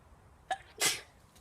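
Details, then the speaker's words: Young person recording a sneeze: a short intake of breath, then one sharp, hissing sneeze against quiet room noise; single sneeze. "Hey guys, this is back again with another sneeze."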